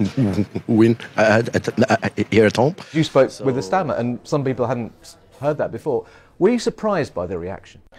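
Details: Adult male interviewer; no speech disorder.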